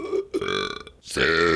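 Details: Deliberate burping while counting numbers in burps: two loud, drawn-out voiced belches in a row.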